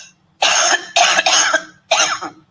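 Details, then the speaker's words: Three harsh, explosive coughs, the middle one doubled, in a quiet room, from a COUGHVID crowdsourced recording. The person reported symptoms but was never tested, so COVID-19 status is unknown. "okay so let's play this one again the first one which is symptomatic"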